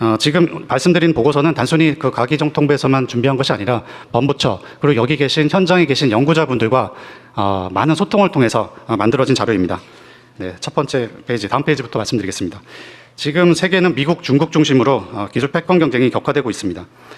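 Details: Adult man speaking; normal voice.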